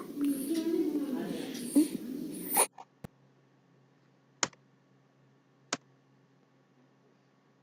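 A child's noisy, high-pitched, fluttering breath lasts about two seconds, then near silence with faint clicks: inspiratory stridor from laryngomalacia.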